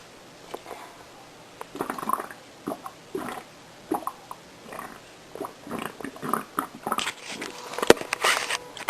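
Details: A woman's own stomach growling (borborygmi), recorded without showing it: irregular gurgles, squeaks and bubbling pops, a normal sound of digestion.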